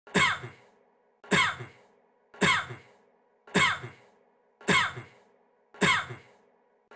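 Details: Acted, dry adult male cough from a singer's IDOL teaser: a single short cough looped six times, about once every 1.1 seconds, over a faint low hum.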